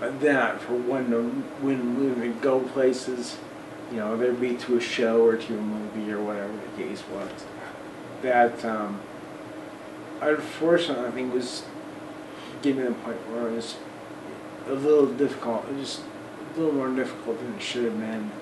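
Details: Adult of almost 40 with Friedreich's ataxia; voice declined over 10-12 years, harder to get words out over the last 6 months or so; ataxic dysarthria.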